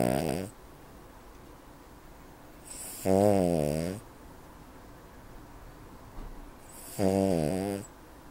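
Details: Loud, buzzing snores, one per breath about every four seconds (roughly 15 a minute), from a sleeping 7-year-old, 7 kg ruby Cavalier King Charles Spaniel; heavy snoring.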